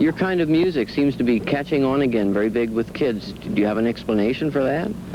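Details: Adult male; normal speech.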